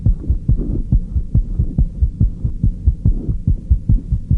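Regular, fast low-pitched heart thumps at about 140 beats a minute, clear and strong, with no added noise between beats: normal heart sounds.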